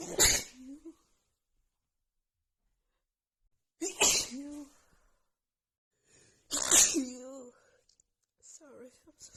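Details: Female with runny nose after an hour outside in snowy cold weather, plus dust exposure; three forceful sneezes a few seconds apart, each with a brief vocal tail, then soft sounds: a sneezing fit.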